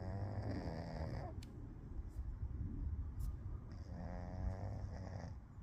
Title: cats sleep a snore.